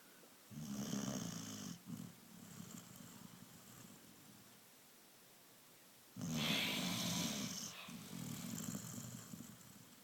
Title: My springer snoring